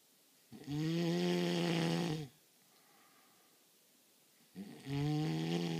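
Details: A sleeper who claims not to snore gives loud, long, rattling snores on the in-breath, about two in six seconds, with quiet pauses between them. Heavy snoring.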